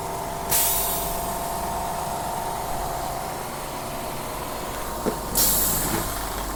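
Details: DIY oxygen concentrator with lithium zeolite, output purity up to 90% at 5 LPM, around 2.5 bar: steady compressor drone with loud hissing valve exhaust bursts about every five seconds.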